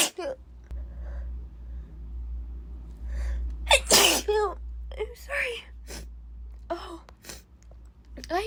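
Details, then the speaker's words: Sneezing fit in a woman who says she normally never sneezes: a run of several forceful sneezes mixed with gasps and brief talk; sneezing. "oh this is just really weird because I I never sneeze I'm normally never like this laughs oh God I never sneezed so this is this is something this is something new"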